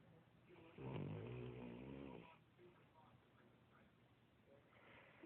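A single loud, low, fluttering snore lasting about a second and a half, then quiet breathing. Snoring.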